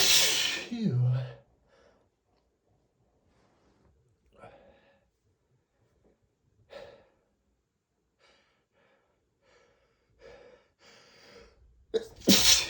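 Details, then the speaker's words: Explosive sneezes at start and end with sniffing and heavy breaths between; repeated allergic sneezing flare triggered by dust from cleaning a bookshelf. "I've just been sneezing so much today. [snorts] I started cleaning and the dust really made my allergies flare up and I just had to stop his teeth."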